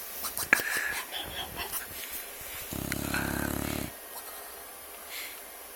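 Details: A dog making noises while sleeping: a rough, fluttering, low snore lasting about a second amid quieter breathing noises and room sound.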